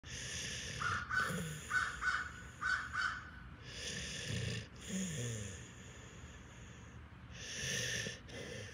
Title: How my senior dog likes to relax | ASMR | birds chirping | snore sounds